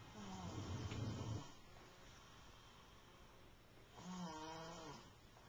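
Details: Snoring recorded with a Flip Video camcorder: two soft, low, rumbling snores with a breathy pause between, over faint room noise.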